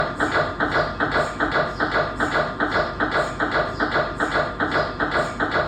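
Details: Real MRI scanner recorded during a scan: loud, very regular rhythmic knocking about 150 a minute.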